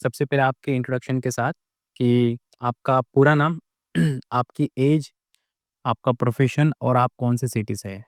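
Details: Adult male speaker; typical speech.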